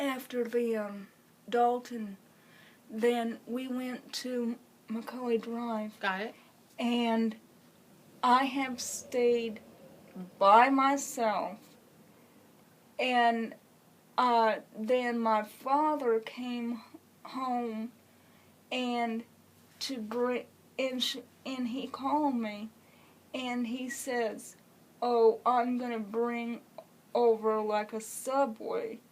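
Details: Speech of an adult woman with congenital cerebral palsy, wheelchair user, described as shy and hardly able to answer back; possible mild dysarthria, speech not explicitly described as disordered.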